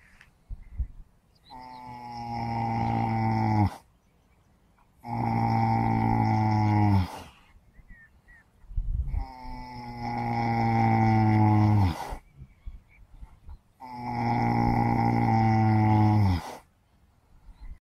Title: Do Horses Snore? Debunking Animal Sleep Myths #shorts